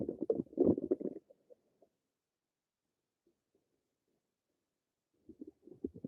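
Short gurgling bubbling runs from the belly, a near-silent pause, then more gurgles; ordinary bowel sounds.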